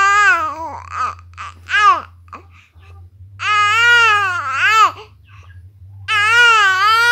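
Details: Fussy infant crying: loud, high-pitched wailing in bursts with short fussy sounds between them; an ordinary infant cry.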